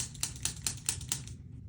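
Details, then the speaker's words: Chiropractic activator adjustment, a mild tool-based alternative for nervous or painful patients: six sharp, evenly spaced spring-loaded clicks in about a second and a half. "And another common alternative or way that can be adjusted is with a tool, okay, an activator, things like this. So it feels just like something is kind of clicking and hitting you. It's a very mild adjustment."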